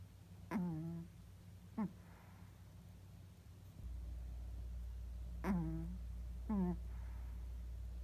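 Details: Sleeping Yorkshire Terrier puppy: high, squeaky whistling snores in pairs with each breath, about 12 breaths a minute, over low room hum, snoring.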